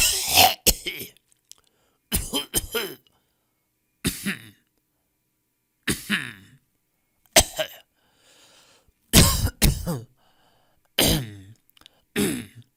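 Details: About a dozen short, harsh coughs in single bursts and pairs, varied styles, separated by silence; stock audio of people coughing.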